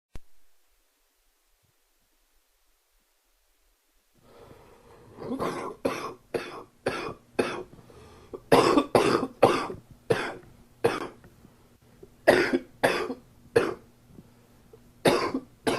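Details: Adult with a summer common cold: several runs of short, dry-sounding coughs, about fifteen in all: cough due to common cold.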